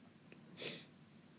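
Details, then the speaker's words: A single short, hissing sneeze over quiet room noise, from a person who says they have a cold, while preparing food; a sneeze. "Sorry guys, I have cold in case you might just hear I'm just sneezing or something like that."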